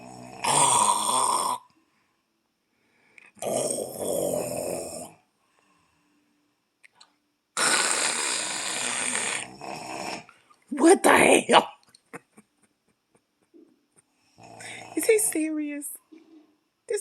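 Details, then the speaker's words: Man snoring loudly while asleep around 1 a.m.: harsh, rattling snores on three long breaths, followed by snorting and gurgling noises. Heavy snoring. "i'm listening to this freight train coming through my ear in five minutes and he ain't even bunching who the hell makes that much noise and stay asleep"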